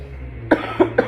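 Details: Three short dry coughs in quick succession over a low room hum, from a 17-year-old giving a class speech who thinks they are coming down with a cold, with a dry throat and ongoing coughing.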